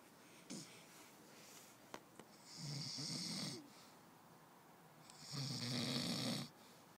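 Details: Two long, harsh, rattling snores about three seconds apart, each about a second long with a hissy airy edge, from a sleeping man; snoring.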